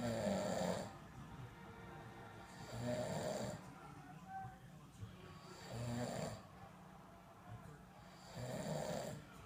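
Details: Adult man (father) snoring, December 2014: regular rattling inspiratory snores about 22 per minute with quiet pauses between, faint background music.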